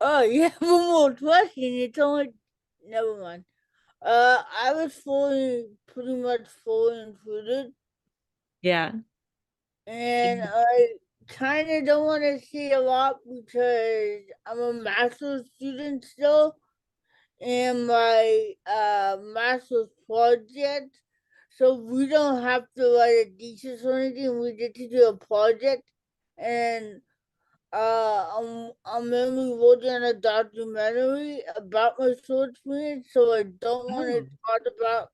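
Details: Dysarthria in an adult woman with cerebral palsy, an educator and author, who reports an early speech delay and says she talks differently.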